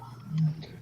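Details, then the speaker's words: Dog in respiratory distress that the owner calls an asthma attack, brought on by over-excitement; a single low, goose-like honking breath. "Shadow's having an asthma attack. She got too excited. Oh. When she gets too hyped up."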